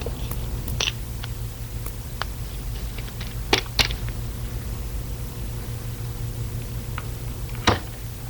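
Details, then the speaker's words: Faint clicks and a few sharp metallic taps over room hum: a dental anaesthetic syringe being loaded, the last two taps hitting the plunger so the harpoon engages the cartridge's rubber stopper. "that's the sound of me loading the anaesthetic syringe in those last two taps were when you we hit the plunger you know at the end"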